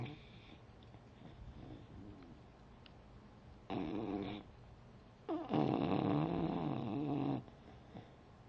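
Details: Beagle sleeping on the back of a chair: two rough, rumbling snorts over a faint hiss, the second longer and fluttering. Snoring.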